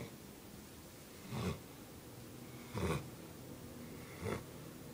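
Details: Sleeping Bloodhound puppy, described as snoring really loud, like a little freight train: three soft, low snorting breaths over five seconds, about 40 a minute, against quiet room noise; snoring.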